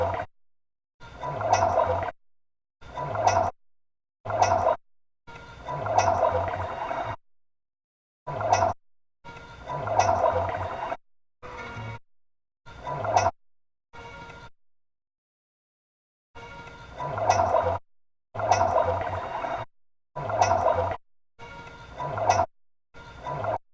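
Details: Old yellow Labrador dog's belly gives repeated watery gurgling bursts; borborygmi, stomach growling.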